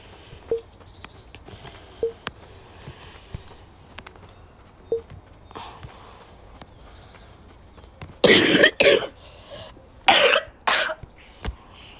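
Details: Adult with a cold, sick: two loud harsh cough bursts with throat clearing and a few sniffs over quiet room noise; ordinary cough.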